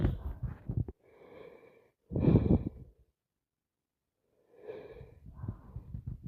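Several sharp, forceful bursts of air with noisy breaths between them; repeated sneezing.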